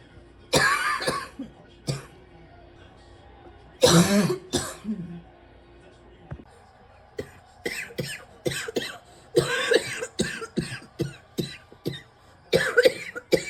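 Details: An adult coughs over and over in bursts with brief pauses; a persistent coughing fit that keeps returning.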